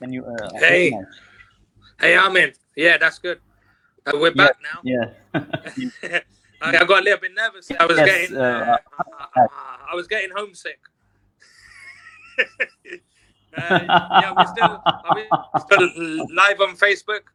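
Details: Adult professional who stutters and has found it very difficult at work but reports overcoming much of it through working on himself; stuttering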